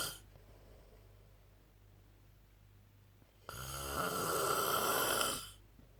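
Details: A man snores loudly, keeping the recorder awake.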